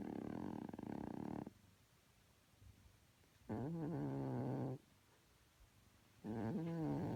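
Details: Oldest household cat snoring: loud, rattling snores on each breath, about three breaths in seven seconds with quiet pauses, quiet room; snoring.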